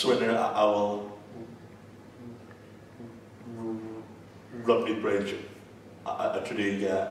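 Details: Real stuttering with blocks in an adult man, from earlier footage he shares to show what his speech used to be like.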